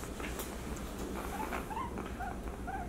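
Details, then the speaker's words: Guinea pig with suspected fluid or blood in the lungs from mating trauma, wheezing and in pain on rib-cage palpation: repeated short high-pitched pain cries during chest auscultation, with very fast heart rate. "hear the cries there the heart rate is very fast now whether there are lung sounds or not so you differentiate between the lung sounds and the cries"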